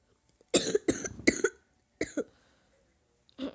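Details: Coughing from a young person sick over winter break, having a bad day: a run of three quick coughs, then a single cough and the start of another, in a quiet room.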